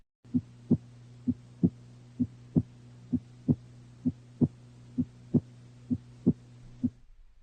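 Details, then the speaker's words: Normal heart sounds: regular lub-dub at about 65 a minute; S1 from mitral (and tricuspid) valve closure, S2 from aortic (and pulmonic) valve closure. "Closure of the heart valves creates a pair of audible heart sounds. The first sound S1 arises from closure of the mitro valve. Tricuspid valve closure may also contribute to S1. The second sound S2 arises from closure of the aortic valve."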